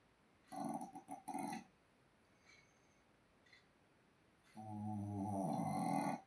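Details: Snoring in a sleeping pet dog: rattling, rumbling breaths in and out, a loud snore with a throaty buzz.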